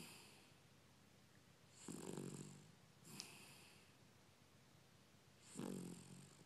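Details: Soft, irregular snorting snores with a hissing edge, three in about six seconds, in a quiet room: a dog snoring.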